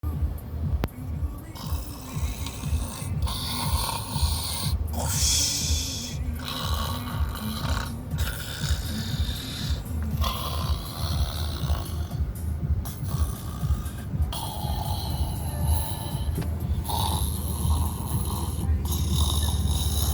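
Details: Dog snoring in sleep: continuous low, rumbling snorts, roughly two a second, with music playing in the background.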